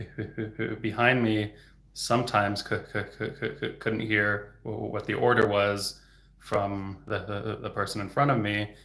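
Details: Real stuttering in an adult male speech-language pathologist who stutters, heard stuttering openly.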